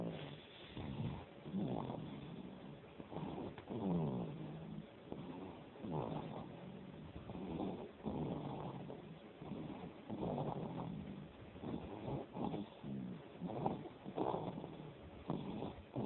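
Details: Steady, rhythmic low snorting breaths, roughly one every second or two, from a male snoring while smiling in his sleep; snoring.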